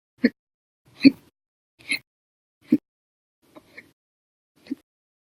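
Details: Hiccups, described as violent and loud, in a bout lasting nearly 11 hours after eating meals and drinking soda after dinner: six short, abrupt hiccups at irregular spacing, some loud, some faint, in a quiet room.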